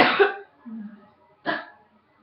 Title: Coughing # 5